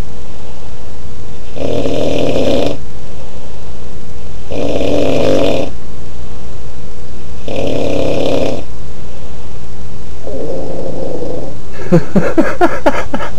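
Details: Man snoring heavily: loud, rough, rattling snores on each breath, roughly every three seconds, about 20 breaths a minute.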